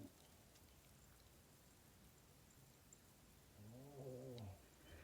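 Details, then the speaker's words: Sleeping pet dog on a blanket in a recording studio: quiet room hum, then near the end one low, drawn-out, slightly voiced snorting groan, a single snore. "she just crashed crashed and she's sleeping and just having a good time snoring away"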